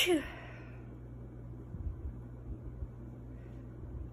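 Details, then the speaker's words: Stifled sneeze from a woman: a brief, sharp, suppressed sneeze at the start, then quiet breathing and room noise; she says she is sneezing so hard her makeup is running. "Oh boy. Oh. Makeup is running. I'm sneezing so hard. Oh."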